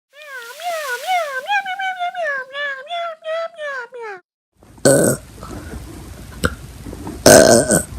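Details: Burping: a long, pulsing, tonal belch lasting about four seconds, then a break and two more harsh burps.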